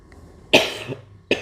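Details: Adult man with a cough lasting years, recorded during a ruqyah session: two harsh cough bursts, the first long and rasping, the second brief; chronic cough.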